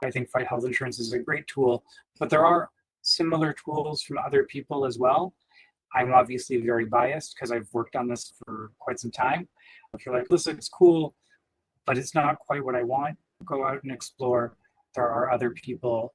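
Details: Adult male speaker; Normal speech.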